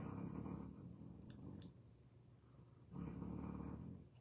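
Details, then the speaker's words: Loud snoring from a sleeping female dog after a tiring day. "And my dog is snoring so loud."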